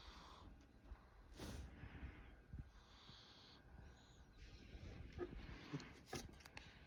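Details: Sleeping dog snoring heavily: low, rough snorting breaths at irregular intervals with louder snorts among them, faint room noise behind.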